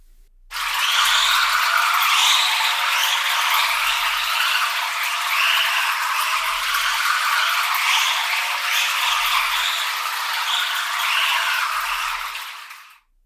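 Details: Cochlear implant hearing simulation of a cheering crowd, from a user two years after processor activation with one functional ear: a steady hissing, warbling wash lacking low tones, less like the original than the baby's cry.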